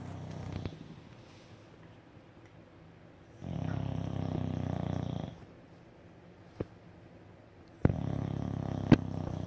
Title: Snoring puppy 🐶